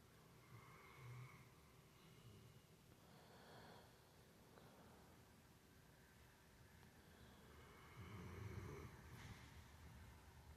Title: snoring and sleeping. #puppy #doggybestfriend #cuteanimal #doggielife #cutepuppy #funny #cutepet